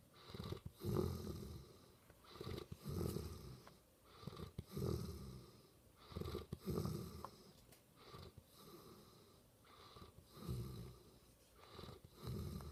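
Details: Repeated rattling, snorting snores with each breath, about 30 a minute, fairly regular; snoring during sleep.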